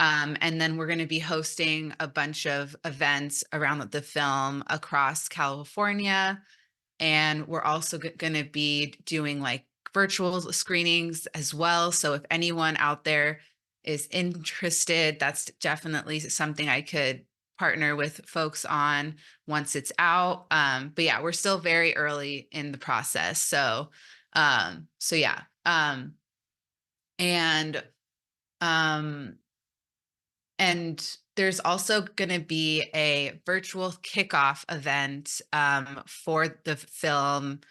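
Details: Adult woman speaking; stuttering.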